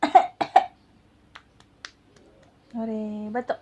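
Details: 6-month-old infant playfully fake-coughing on request: three short cough-like bursts, then a drawn-out voiced vocalization; an imitation voluntary cough, not an illness cough.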